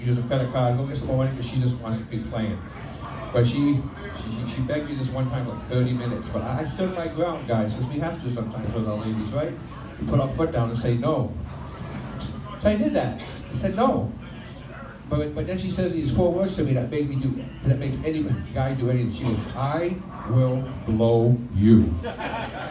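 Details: Stuttering in an adult man, present since childhood, after 15 years of speech therapy; he reports it is milder on a microphone and worse when nervous, with vowel-initial words, especially 'I', hardest. Recorded during a live stand-up performance on a microphone.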